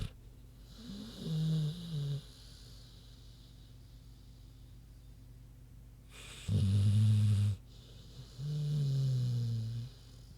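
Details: Sleeping pig snoring: deep, low, rumbling snores in slow, uneven bursts with quiet pauses between.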